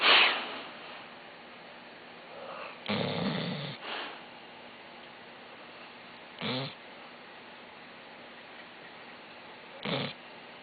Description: SNORES SUPER LOUD!!!